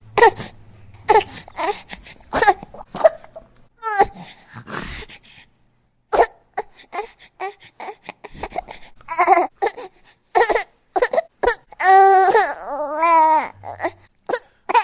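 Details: Newborn crying sound effect: short, choppy sobbing bursts with quick gasps, then two long, wavering high-pitched wails.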